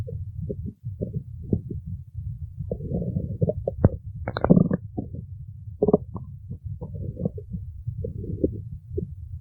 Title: stomach growling 2